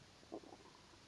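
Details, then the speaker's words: Woman's brief, soft, quarter-second gurgling rumble over quiet room noise; she says she is quite hungry: stomach rumbling (borborygmi) from hunger. "J'ai assez faim, je suis désolée si vous entendez mon ventre qui gargouille."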